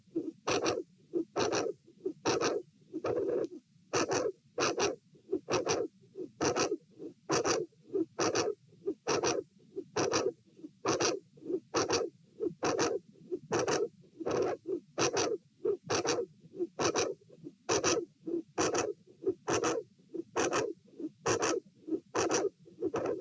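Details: Regular heartbeat near 67 a minute, recorded at position A during a lying, sitting and standing auscultation stress test in dilated aortic root: a very loud mid-to-late systolic click with a murmur at S2, an aortic vascular click.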